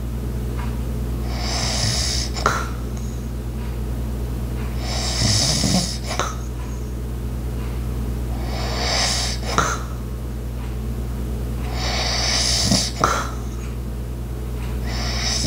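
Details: Light regular snoring breaths about every 3.5 seconds, over a steady household hum with occasional clicks, background ice maker, clock and walking sounds; snoring.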